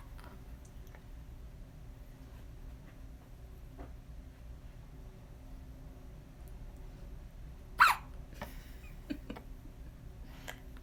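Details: Young girl's hiccups: quiet room, then one sharp, abrupt hiccup followed by a couple of fainter catches in the breath.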